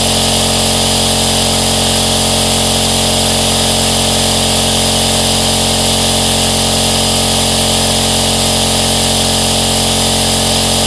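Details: Aerosol nebulizer running continuously, used as white noise for sleep or to soothe a baby.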